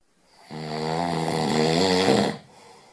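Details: A single long, loud, buzzing snore on an in-breath, with a steady rough vibration throughout.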